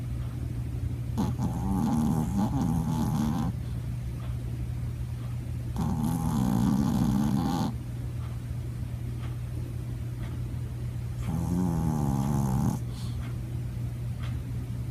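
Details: Three long, low, rumbling snores over about fifteen seconds from a sleeping dog, with a steady hum in the background; ordinary snoring.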